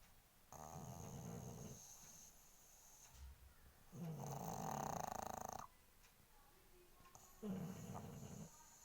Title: pug dog snoring sound